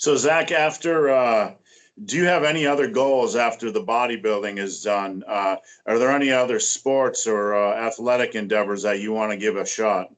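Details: Adult male speaker; typical speech.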